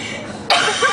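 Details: A single abrupt, harsh cough from an adult woman (a mother) with a bad cold, while trying to sing in a car over low road noise; cough.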